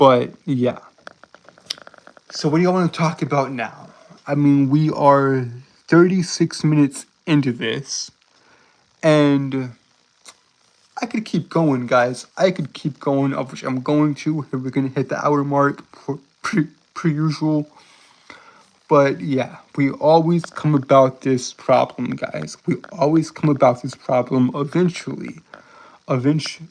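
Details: Stuttering-like disfluency in a male streamer who says he has a speech impediment he cannot help.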